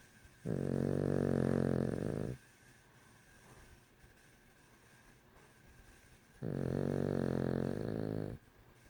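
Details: Female dog snoring louder than her owner: two long, deep, rumbling snores about six seconds apart, with quiet pauses between; snoring during sleep.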